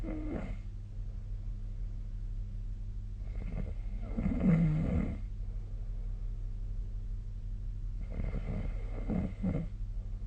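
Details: Snoring during sleep recorded with the SnoreLab snoring app: three low rattling snores about every four seconds, roughly 15 a minute, over steady room hum.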